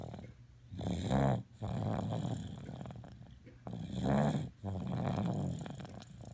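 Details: A sleeping dog snores in two steady cycles, each a loud rattling inhaled rumble then a softer breath out, about 20 breaths a minute; snoring.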